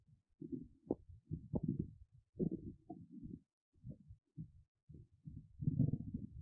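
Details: Adult woman's hungry, empty belly: irregular low gurgles and rumbles; hunger-related bowel sounds, borborygmi (stomach rumbling), a normal finding.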